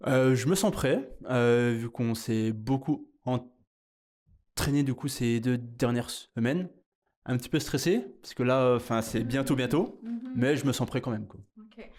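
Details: French-speaking 30-year-old man who stutters; stuttering.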